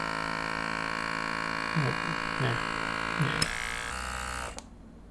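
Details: GLOWY NA-A001 electric infant nasal aspirator, silicone cone removed and tested by suction on a hand: steady motor hum with brief pitch dips as suction catches, then switching off.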